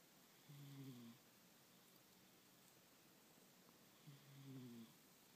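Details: Sleeping cat snoring: two soft, low, buzzing snores about three and a half seconds apart over steady room hiss; snoring.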